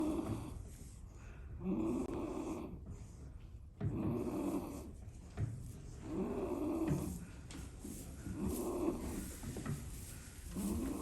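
Regular low, rumbling snores with each breath in, roughly 28 a minute, in a small room: a goat snoring.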